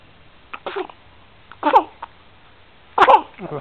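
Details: 12-day-old infant boy: three short, explosive bursts about a second and a half apart, recorded during a fit of hiccups; repeated infant sneezes.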